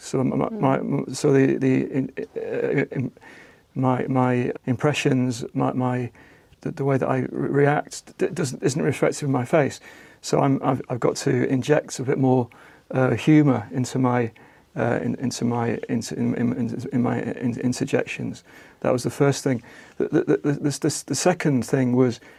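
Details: Aphasia following a stroke about a year earlier in an adult man, after taking part in a conversation-therapy group, with frequent word and syllable repetitions and restarts; aphasia.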